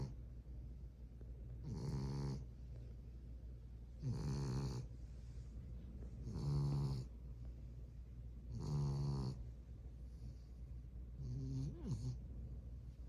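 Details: French bulldog puppy sleeping and snoring: regular, rattling snores with each breath, about 26 a minute, over a steady low background hum.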